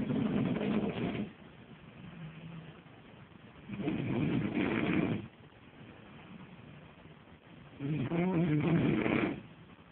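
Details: Adult snoring at 8:30 in the morning in a Vegas hotel room, keeping a roommate awake: loud, rough, rasping snores on each breath about every four seconds, with quieter breathing between; extremely heavy snoring.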